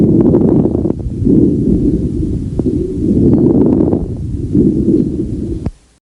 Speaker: late inspiratory crackles are characteristic of restrictive pulmonary disease and may be heard in interstitial fibrosis asbestosis pneumonia pulmonary congestion of heart failure pulmonary sarcoidosis Scleroderma and rheumatoid lung